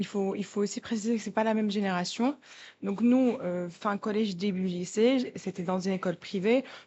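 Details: Adult woman speaking French; ordinary speech.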